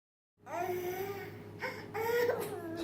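Short, fussy infant cry: a few drawn-out whimpering wails rising and falling in a quiet room.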